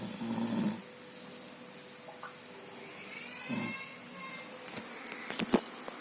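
Rough, rattling breaths during sleep over steady room noise, with a couple of louder snoring bursts; ordinary snoring.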